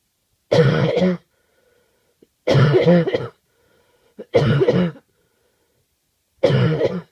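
Four harsh, rough coughs spaced about two seconds apart, each a short throaty burst with a quiet room between them.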